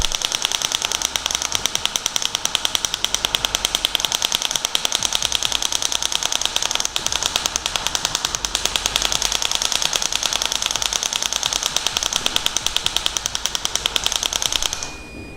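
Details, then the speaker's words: Shock wave therapy device angled about 45 degrees at the Achilles tendon's attachment to the bone: rapid sharp clicking pulses at about 200 a minute for roughly fifteen seconds. "And again, when we're here, we're going about 45 degrees to target the attachment of the Achilles tendon with the bone."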